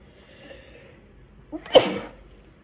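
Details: Induced sneeze: a short in-breath followed by one sharp, explosive burst of air, a single sneeze.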